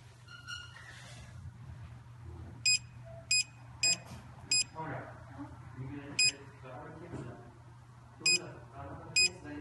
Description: Root Canal Apex Locator